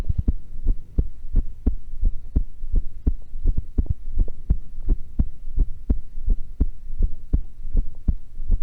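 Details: Heart sounds recorded while playing a horror game: steady paired lub-dub beats about 85 per minute, no extra sounds; normal heart sounds.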